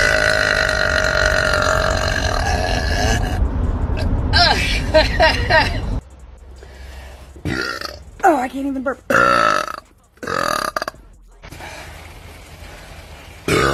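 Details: Woman voluntarily burping: a long, loud, rumbling belch followed by several shorter burps, with brief talk in between; repeated voluntary burping.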